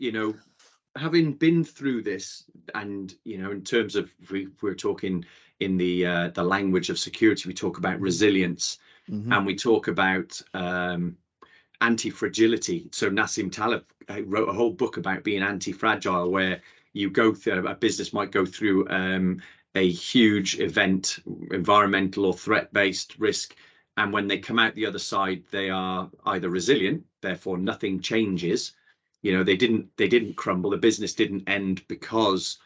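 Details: Adult male speaker; normal conversational speech.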